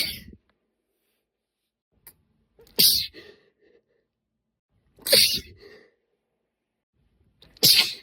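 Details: Female deliberately induced sneezing, provoked with a tipless cotton swab stick or slender spray-bottle dip tube; three sharp hissing sneezes about 2.5 seconds apart, each with a short breathy after-sound.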